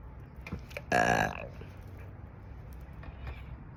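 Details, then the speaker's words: Adult over 50, self-described as gassy all the time, drinking coffee: one loud, rumbling, voiced belch from the throat lasting about half a second, with faint room noise; burping. "You hear that one from my throat? I'm so gassy all the time."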